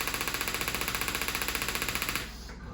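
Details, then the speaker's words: Sharp, regular clicking pulses, roughly twelve per second, stopping after about two seconds, from a Storz Medical D100 focused shockwave handpiece treating soft tissue injury along the elbow extensor group, with 4,000–6,000 shocks planned. "And I'm looking at doing somewhere between 4,000 and 6,000 shocks along the injured tissue."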